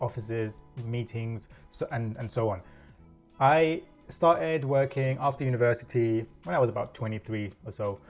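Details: Adult man with self-reported stuttering (stammer), real, working in a corporate career for over 10 years.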